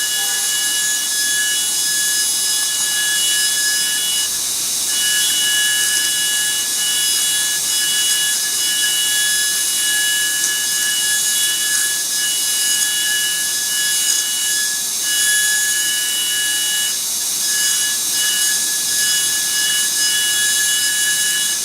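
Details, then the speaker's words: High-speed dental drill with round bur deepening root canal access opening in a mandibular molar with lost cusps, following occlusal cavity outline: steady high-pitched whine with faint grinding. "We have not expanded the cavity around but we are just going this with the help of our round B following the outline of the occlusion cavity over here."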